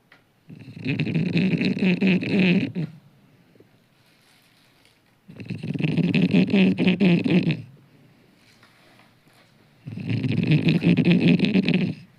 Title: इन्होंने तो जीना हराम कर दिया 😡🤬#shots #shotsvideo #viral #instagram #snoring #funnyvideo #youtube